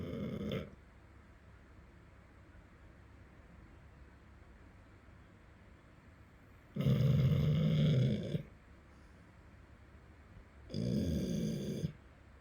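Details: Sleeping American Staffordshire Terrier snoring: deep, rumbling snores with long quiet gaps, about three in twelve seconds; snoring.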